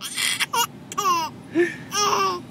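Short, high-pitched wailing cries from an infant, several brief bursts in a small room.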